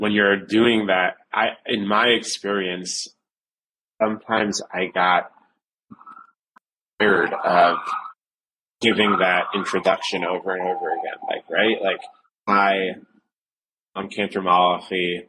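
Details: Adult male who stutters since age seven, severe, with blocks, repetitions and secondary facial behaviours; stuttering.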